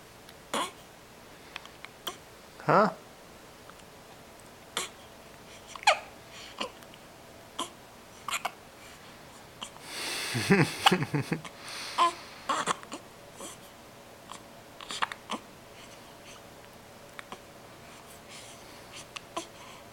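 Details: Morning hiccups: brief, sharp, irregularly spaced catch sounds in a quiet room, with a short noisy stretch midway.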